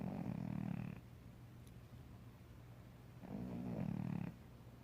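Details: A sleeping female cat snoring like an old man, unedited: two slow, deep, rattling breaths in with quiet pauses between, a low fluttering snore over steady room hum.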